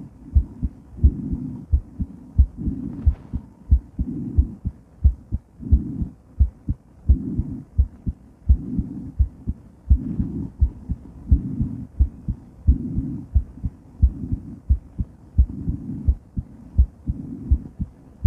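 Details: Female heart during and after weight training, recorded while moving: strong, pounding heartbeat about 88 a minute with rustling movement noise, slowing as it recovers; exercise tachycardia.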